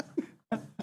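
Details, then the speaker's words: Loud, low, gurgling wet belch in two voiced bursts from a woman, an unexpected burp without warning, live on a radio show. "That was her. Wow, that was a good one. That was wet. >> That was a wet burrito right there."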